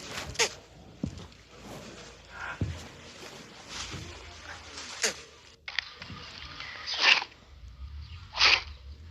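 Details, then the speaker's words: Repeated sharp, hissing sneezes from a reticulated animal, called a little baby, with faint outdoor background noise: sneezing. "Did he sneeze on you? Oh, buddy."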